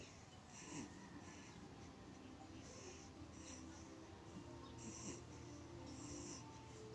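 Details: 10-day-old newborn baby: repeated soft, wheezy, snuffly noises with each breath, about 8 breaths in 7 seconds; infant snoring.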